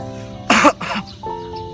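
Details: Two short explosive coughs over background music, from a cough and sneeze etiquette clip; cough.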